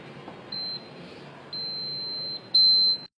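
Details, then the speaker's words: Three high-pitched electronic beeps from a syringe pump switched off with the on/off button after the drug finished and the syringe was removed, over faint room hiss. "Sau khi hết thuốc, ấn nút stop để dừng máy, nâng kẹt giữ thân piston lên để lấy bơm tiêm ra, ấn nút on off để tắt nguồn điện vào máy,"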